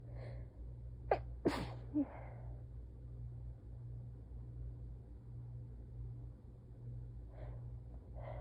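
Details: Adult's soft, tired, muffled sneezes into a handkerchief, a brief quick run within a sneezing fit.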